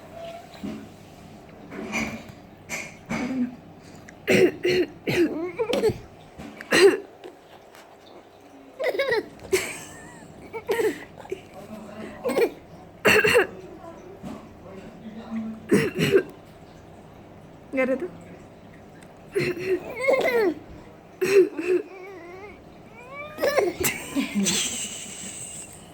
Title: Baby artificial cough sound..